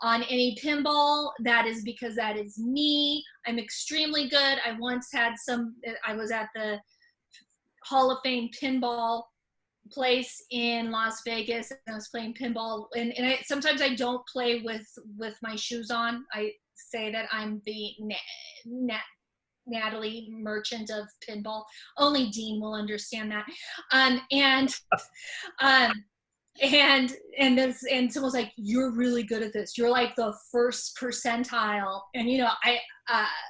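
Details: Stuttering in an adult woman speaking spontaneously; she says most of her stutters are repetitions, sometimes blocks.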